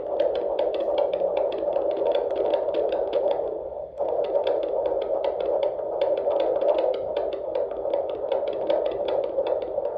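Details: Home fetal Doppler at 20 weeks 2 days of pregnancy, fourth baby: fast, regular whooshing pulses over steady Doppler hiss, about 150 beats a minute, a normal fetal heartbeat.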